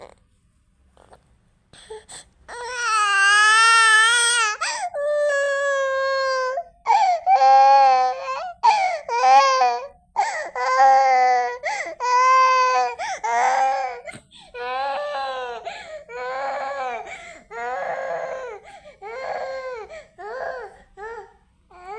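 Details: Sick infant with swollen eyes, fever, runny nose and cough: loud, sustained crying in repeated wails separated by breaths, becoming shorter and whimpering toward the end.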